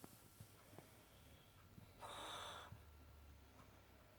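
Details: Boxer dog snoring: a short, loud nasal snort over a quiet background.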